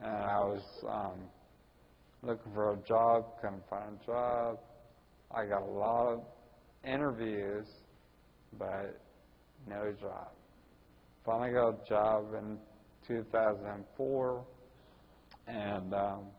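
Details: Ataxic dysarthria in a 41-year-old man with Friedreich's ataxia, which also causes his balance problems and walking difficulty.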